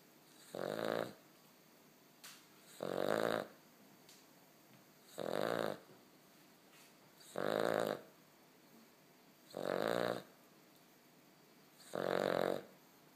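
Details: Sleeping puppy snoring: regular rattling snores about every two seconds, six in all, roughly 28 a minute, in a quiet room; snoring.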